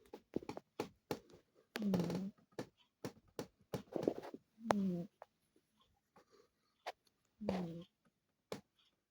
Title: Surprise586 #shorts He snores great